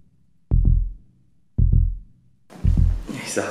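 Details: Deep, whooshing pulses from a labour monitor's speaker: fetal heartbeat during labour.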